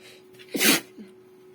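A short inward breath, then one sharp, hissing burst of air; a single sneeze.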